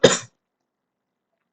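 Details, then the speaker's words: Single short, sharp, loud cough followed by silence, from a person who says they are a bit sick and coughing and sneezing a lot. "I'm a bit sick, which is kind of why I sound so dead and why I'm coughing and sneezing so much. Apologies."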